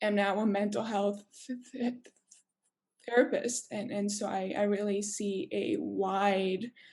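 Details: Adult woman who stutters, formerly covert stutterer, speaking in a webinar; stuttering.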